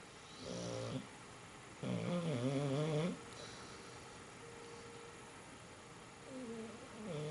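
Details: Loud, rattling, wavering snores on slow breaths, with a quieter whistling note between them; snoring.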